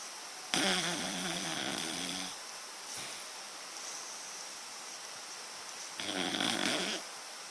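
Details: Dog asleep: loud, rough snoring in long noisy breaths with a throaty rattle, separated by quieter breaths; dog snoring.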